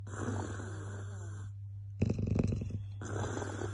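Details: Golden retriever dog asleep after a long day, snoring: fluttering, rattling snore sounds with a snorting burst in the middle, over steady low room hum.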